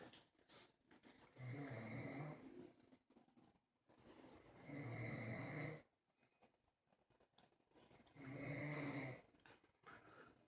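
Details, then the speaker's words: Dog snoring in a quiet room: three rumbling, rasping inhalations about 3 seconds apart, roughly 18 breaths a minute, ordinary snoring. "and you know I knew in the background he's a bear snoring hear that"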